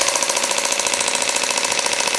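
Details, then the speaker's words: Shockwave therapy handpiece firing on the elbow to treat tennis or golfer's elbow, moved slowly along the muscle; patient says it feels weird but doesn't hurt. Rapid, evenly spaced sharp tapping pulses. "so it's not actually shocking it's sending radio frequency mhm that's creating microt trauma to the area so again we can have more um so your body can send its stem cells to the area and more blood supply and more healing and just regeneration"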